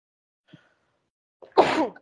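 A short intake of breath, then one sharp, explosive sneeze. It is a single sneeze, here set off by an irritant.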